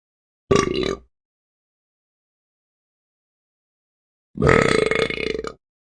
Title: Burp Sound Effect